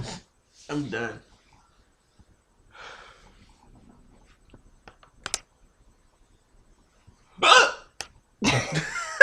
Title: Hiccups Smh